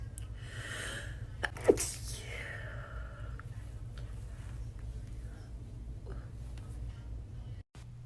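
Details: A single sharp sneeze burst over steady low room hum, followed by quiet.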